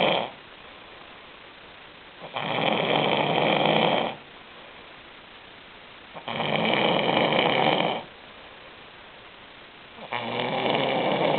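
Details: Person snoring, sound-only recording: loud rasping snores on each in-breath, about 2 seconds long with quiet gaps, roughly 15 breaths a minute; ordinary snoring.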